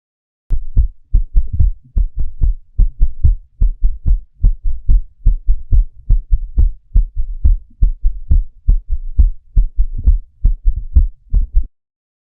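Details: Teaching audio of an S4 heart sound (atrial gallop) for USMLE: regular low heart sounds near 70 per minute with an extra soft thud just before each first heart sound.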